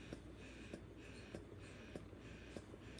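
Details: Soft steady motor hum with faint suction pulses about every 0.6 seconds from a Zomee Fit wearable electric breast pump in stimulation mode, used by a mother two days after giving birth.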